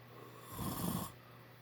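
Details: Adult man snoring loudly: a single low, rough snore rising and fading over about half a second against a quiet room hum.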